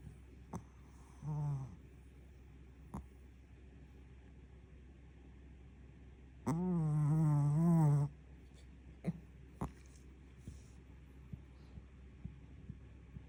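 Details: Sleeping black Pomeranian dog snoring: two low, rattling snores, one brief and one longer, against quiet room noise with a few clicks.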